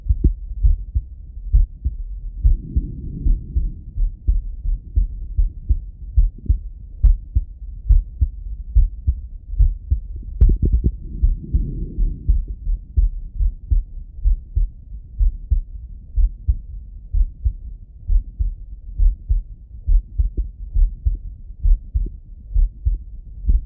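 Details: Male heartbeat heard through a stethoscope: steady, low thumps at about 69 beats a minute, normal rhythm; normal heart sounds.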